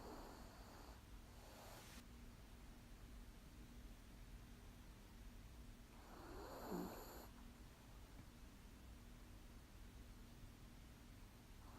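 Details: Little, light snores: soft, rough breathing noises with a brief snort over steady room hum; light snoring.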